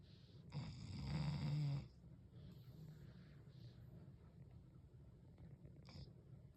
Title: Dog Snoring 😂